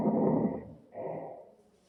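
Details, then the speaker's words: Imitated wheeze in a student lung-auscultation teaching demonstration: two short breathy, slightly whistling bursts mimicking air passing through bronchi into a cavity; wheeze (imitated). "you see the air inside and when the air is coming through the bronx and goes to the cava you will hear like >> this one yes wheezing and the type of the wheezing also depends on the location and on the sizes of the Uhhuh."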